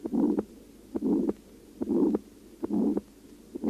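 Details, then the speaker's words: Heart auscultation over the aortic area in aortic stenosis, regular rhythm about 70 per minute: weakened first and second heart sounds with a harsh systolic murmur filling the gap between sounds, radiating to the neck vessels. "аортальном стенозе наблюдается ослабление первого и второго тона и грубый систолический шум на аорте проводящийся на сосуды шеи"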